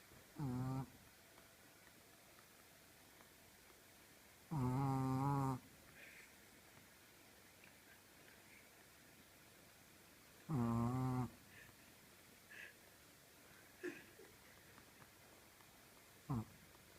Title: Funny Bunny Snores!